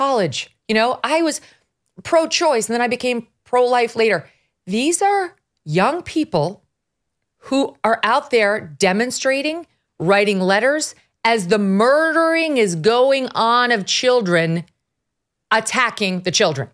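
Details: Adult woman speaking; ordinary speech.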